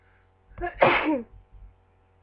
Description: I don't know why I keep sneezing is it a cold or my allergies?